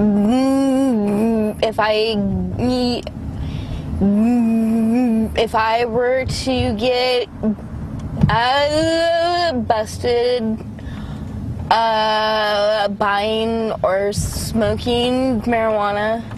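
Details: Adult woman with cerebral palsy from birth, most noticeably manifesting as a severe stutter, right side of body weaker than left; she says cannabis helps her speech, last smoked 3 days ago; stuttering (speech disfluency) in cerebral palsy.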